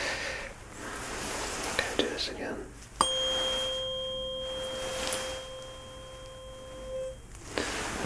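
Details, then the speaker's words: Struck tuning fork ringing a clear steady pure tone about four seconds, placed on the forehead for a Weber test comparing both ears, in a simulated ASMR roleplay cranial nerve exam. "I'm gonna be doing the training Fork a hit just gonna make a sound like this okay I'll be asking you first of all does it sound more or less the same for both the ears"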